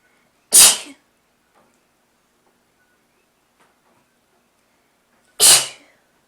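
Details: Person with a cold sneezing: two sharp, hissing sneezes about five seconds apart, with quiet in between.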